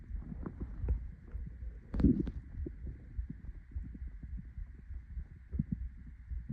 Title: My hungry stomach growling